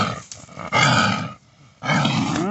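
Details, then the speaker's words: Female pig with a respiratory infection/pneumonia (nasal discharge, bad wheeze the day before), treated with LA-200 doxycycline and now improving, gives two harsh, rough, congested-sounding bursts: pig cough. "They don't really have a way to like blow their nose or get stuff out real easy, and pigs have small lungs, so they can go downhill real fast with respiratory issues. You can hear her kind of sounding a little choggy right there."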